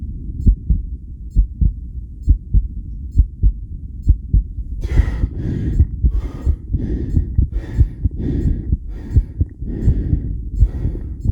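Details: Self-recorded with a homemade electric stethoscope during 10-lead ECG monitoring with regulated breathing: strong, low heartbeats at about 67 per minute, slightly irregular, deep breathing noise from midway; heart sounds with extrasystoles.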